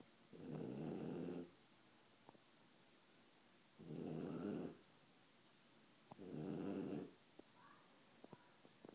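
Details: Sleeping upside down on a chair: steady low rumbling snores about every three seconds, roughly 20 a minute, with faint clicks between; snoring.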